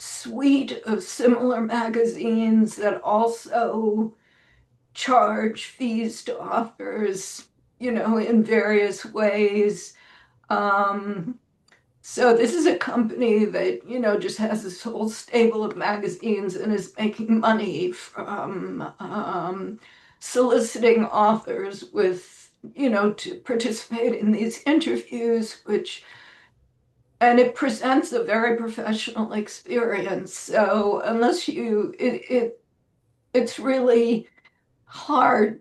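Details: Woman with spasmodic dysphonia, self-reported; severity varies from day to day and she says this recording is on a not particularly good day; real, not acted; spasmodic dysphonia.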